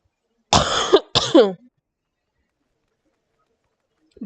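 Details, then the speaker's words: An adult recovering from COVID, now testing negative but still coughing: two harsh, voiced coughs in quick succession, then quiet; lingering post-COVID cough. "okay and again I apologize for coughing a lot I had uh covered for a little while um I'm currently negative but the cough's still there and I hear it lasts a while so forgive me"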